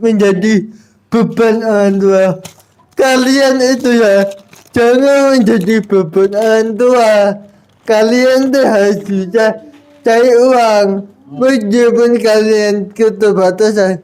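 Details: Adult with cerebral palsy, real speech: dysarthric speech in cerebral palsy.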